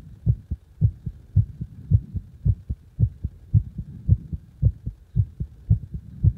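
Strong, regular low thumping heartbeat around 110 beats a minute, each beat loud and forceful.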